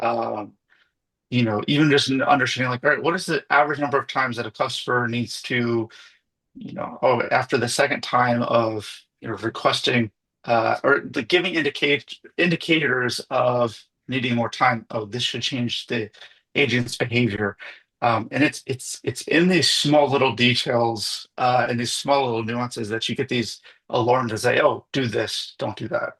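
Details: Adult male speaker; typical speech.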